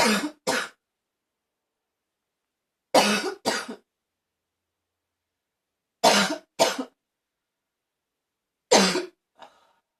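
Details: Harsh, hoarse coughs with a barking quality in four short bouts, mostly paired: a barking cough.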